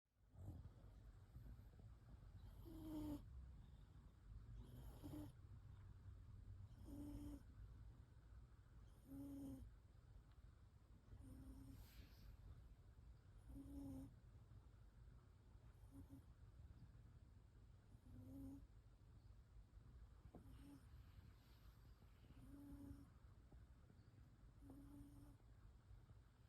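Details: Chunky pet cat sleeping, snoring in steady, low rumbling breaths, about 28 a minute: snoring.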